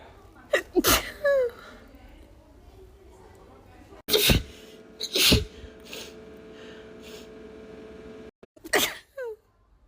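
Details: Woman with allergies, tickly allergy sneezes edited into a loop: several sharp sneezes, some with a brief gasping intake before, separated by quiet pauses with faint room noise.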